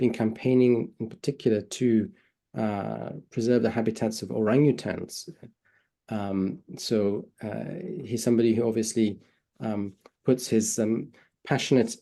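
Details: Adult male speaker; typical speech.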